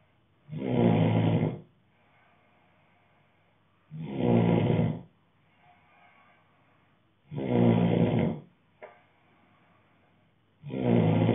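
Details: Man snoring: loud, regular, rough rumbling snores about every 3.4 seconds, roughly 18 breaths a minute, with quiet exhalations between.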